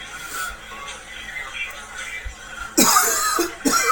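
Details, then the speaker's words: Adult coughs, then remarks "Oh, damn cough. Oh my goodness, more." "Oh, damn cough. Oh my goodness, more."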